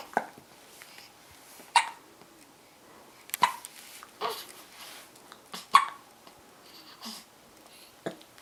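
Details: An infant with hiccups: brief, sharp, high little gulps, about six in eight seconds, with quiet between them.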